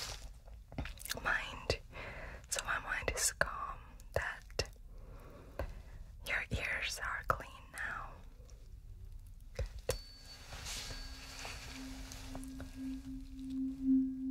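Soft whispering and taps, then a struck tuning fork humming steadily for several seconds, as used for a hearing test in an acted roleplay.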